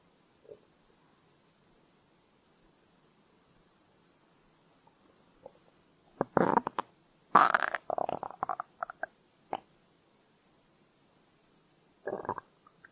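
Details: Stomach growl: gurgling, bubbling rumbles in bursts from the belly in a quiet room.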